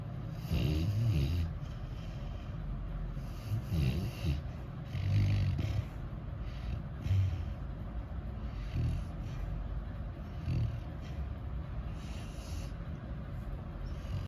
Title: Cute sleeping beagle snoring